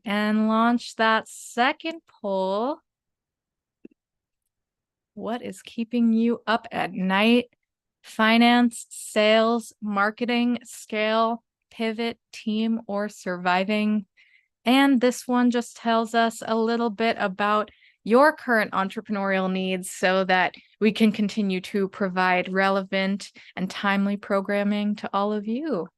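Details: Adult woman; typical speech.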